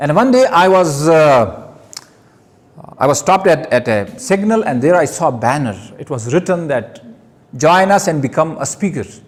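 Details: Adult man who stammers giving his first public speech; word and phrase repetitions heard; stuttering.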